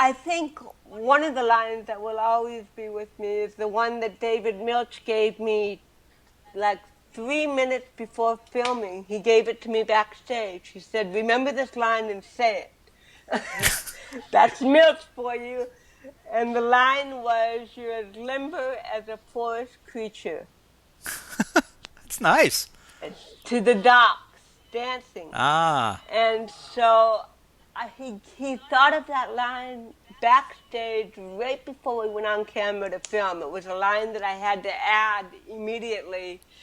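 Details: Adult woman with cerebral palsy from birth, speaking in a real 2013 interview; dysarthria (cerebral palsy).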